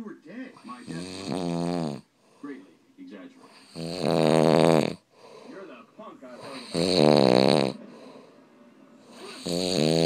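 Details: Adult man (stepdad) asleep, loud rough snores on each in-breath with quieter snuffling out-breaths, about twelve breaths a minute, with a baby sleeping nearby; heavy snoring.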